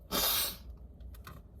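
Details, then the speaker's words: One strong, hissing sneeze burst followed by quiet sniffing, from a person alone in a parked car during a cold, with a running nose; forceful cold sneeze. "objectively I'm sneezing like way less if we're talking in terms of like actual count and quantity um yeah but they take forever"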